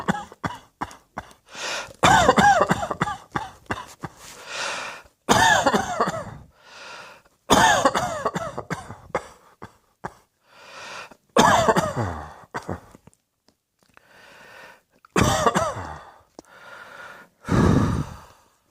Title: Cross Dressing Coughing 116